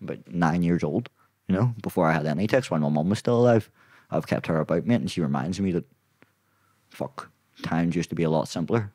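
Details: Young adult man with Tourette syndrome; tics began at 16 as a shoulder tic, spread across his body, then vocal tics followed; worsen with stress and cameras. Involuntary vocal tic with coprolalia interrupting speech.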